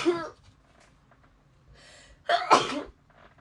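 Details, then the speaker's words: Single loud sneeze after a brief inhaled build-up, a short word spoken quietly first, from a young Japanese woman on a livestream who says she has bad hay fever (pollen allergy) and rhinitis; sneeze. "花粉症やばくてママ指バレちゃったくしゃみまで可愛いって。くしゃみはねありがとうよ。"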